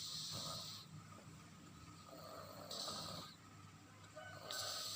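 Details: Sleeping baby: soft, rhythmic snoring on each in-breath, about two breaths in five seconds; ordinary infant snoring.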